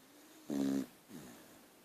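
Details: Sleeping dog: a single buzzing snore on the in-breath followed by a softer out-breath; snoring.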